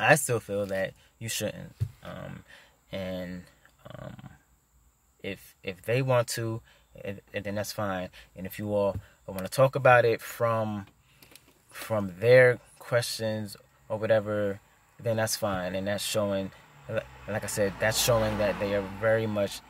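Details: Stuttering in an adult man who stutters.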